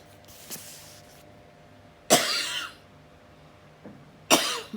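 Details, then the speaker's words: Cough from an adult woman who says she has been unwell after several days of travelling. "โอ๊ยไปเที่ยวมาหลายวันนไม่สบายเลยค่ะทุกคนต้องขอโทษขออภัยเด้ออาจจะมีเสียงไอบ้างนะ"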